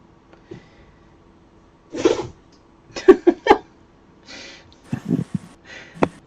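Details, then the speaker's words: A small pet sneezing in the background of a room: a run of quick, sharp sneezes and snorts. "know if you can hear Toby sneezing in the background"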